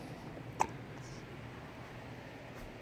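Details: Baby with hiccups: a single sharp, short hiccup click over steady room noise.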